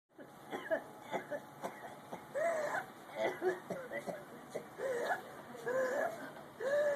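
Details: Adult patient in ICU: repeated harsh cough bursts mixed with strained, voiced groans and throaty sounds in a quiet room.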